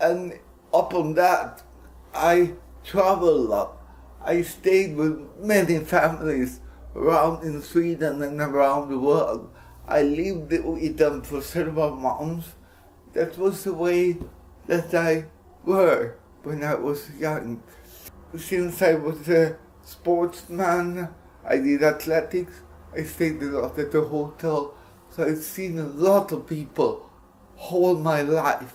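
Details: Dysarthric speech in an adult Swedish man with cerebral palsy, speaking English.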